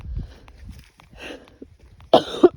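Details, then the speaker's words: Outdoor background sounds, then a single harsh cough burst followed by a snort, from an adult ill with a lingering cough during a night walk with dogs. "I couldn't take the dogs out last night because I was just so ill. Ill with this cough."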